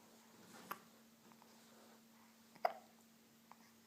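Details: Baby with hiccups: two brief, sharp, quiet catches about two seconds apart against steady room hum; infant hiccups.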